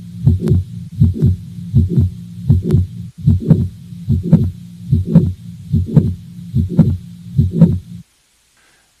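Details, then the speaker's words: Teaching recording: S1, mid-systolic click, S2 and a steady systolic murmur of mitral regurgitation, regular rhythm near 73 a minute: mitral valve prolapse with mid-systolic click and mitral regurgitation murmur. "and then i will add in the click so that you can hear everything together the s1 the click the s2 and the murmur of mitral regurgitation"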